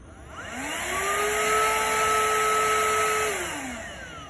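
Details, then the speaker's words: Homemade wearable cuirass negative-pressure ventilator, built from a plastic dish container and a car vacuum cleaner: the motor spins up, whines steadily for about three seconds, then winds down as the vacuum pulls the wearer's inhalation. "can see the housing will deflect or inflate when a vacuum is created that's when I'm inhaling"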